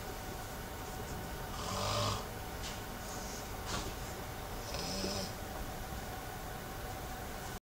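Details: Person snoring, under an hour before work: two soft, rough snores about three seconds apart over steady room noise; ordinary snoring.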